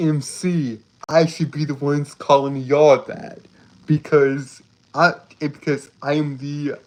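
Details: Male streamer with a self-reported speech impediment that makes him stutter and trip over his words; repeated phrases are audible; stuttering.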